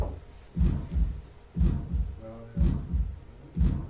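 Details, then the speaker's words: Teaching audio of an aortic stenosis murmur: a regular heartbeat at about 60 a minute with a harsh murmur filling the gap after each first sound, from a valve that does not open all the way. "now I'm going to play you the actual sounds of these murmur and you'll see you'll see what it's really cool because you can tell what it sounds like hear that harshness"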